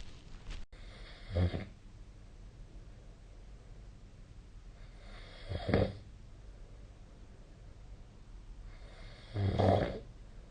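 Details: Deep, low rattling snores about every four seconds, roughly 15 a minute, with quiet breathing between; snoring during sleep.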